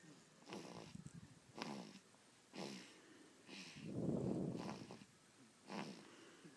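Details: Baby who falls into deep sleep soon after lotion is rubbed in; soft, quick, snuffly breaths, about six in under seven seconds, with one longer rattly snore; light infant snoring, described as loud; snoring.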